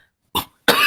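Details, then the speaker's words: Two short, harsh cough bursts from an adult man who says he is unwell with a hoarse voice, the second cut off at the end: cough. "Jadi mohon maaf kalau ada batuk juga atau mungkin suara saya kurang jelas atau gimana."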